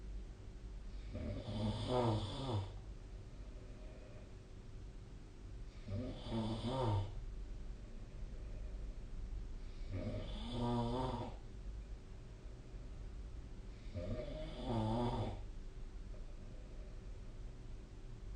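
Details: Sleep recording from a snoring-tracking app: loud rattling snores on each in-breath, about 14 breaths a minute, steady and regular in a quiet room; snoring.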